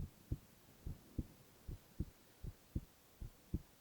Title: 【無言/男子ASMR】ひたすら心音 Boy heart sounds